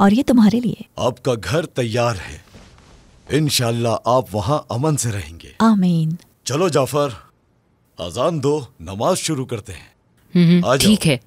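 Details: Adult male, acted dialogue; normal speech.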